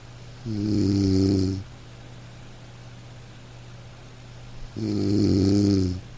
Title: Soothing??? Snoring sleep sounds!